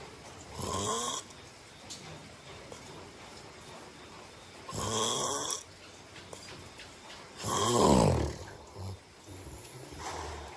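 Three loud rough snores about four seconds apart, with quiet breathing and faint room noise between them. Ordinary sleep snoring.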